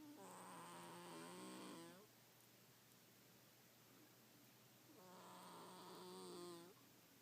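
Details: Kikyo, a sleeping cat: two long, buzzing, vibrating snoring breaths separated by a quiet pause; snoring.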